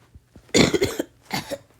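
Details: Two rough, wet-sounding cough bursts in quick succession from someone coughing during a gaming video, described as coughing in agony; cough.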